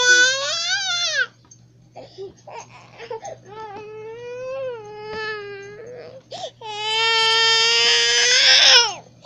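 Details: Infant crying in anger while the mother tries to stay patient, then hugs the baby; loud wailing breaking into whimpers and sobs, then rising again into a full cry. A normal infant cry.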